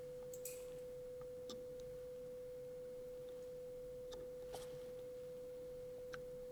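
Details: A steady mid-pitched pure tone over soft hiss and faint clicks, heard through headphones in a binaural recording simulating a hearing test with a Thai audiologist: audiometry test tone with masking noise in the other ear.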